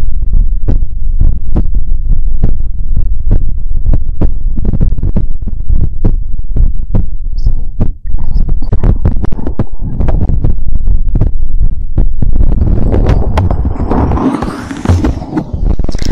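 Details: ASMR heartbeat recording: deep, steady thumping heartbeat at about 70 a minute, heavily muffled, with rustling handling noise toward the end.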